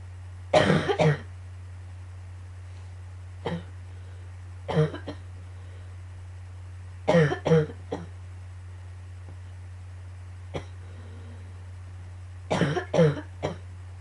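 Repeated bouts of harsh coughs, several in quick succession each, recurring over the clip against a steady low room hum; coughing fits.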